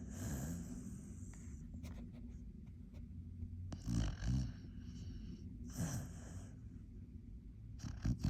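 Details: Sleeping dog snoring: low rumbling snores with snorting breaths, roughly three cycles in eight seconds.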